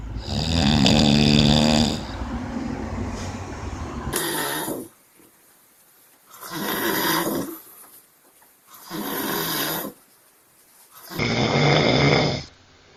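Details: Snoring from several adult men spliced together: loud, rough, rattling inspiratory noises every few seconds with quiet pauses between.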